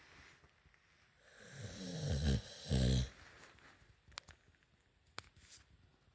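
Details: Staffordshire terrier dog snoozing and snoring; a low, rattling snore in two rough pulses, then quieter breathing with a few clicks in the room.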